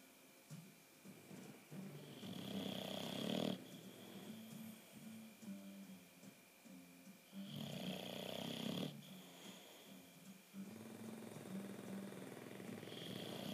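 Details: Rough, snorting snores and noisy breathing from a sleeping bulldog, with a faint steady hum in the background; snoring.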